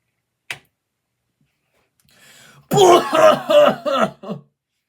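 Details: Person coughing and clearing their throat in the bathroom while getting ready for work, acted for comedy: one sharp cough, then a loud, rough run of repeated throat clearing.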